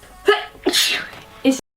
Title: Sneezing Youtube part 3